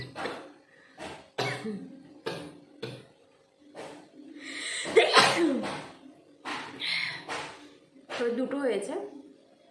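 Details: Repeated nose-blowing and sneezing sounds, sharp bursts of air and voice with one loud sneeze in the middle, in a nose-blowing and sneezing challenge; sneeze.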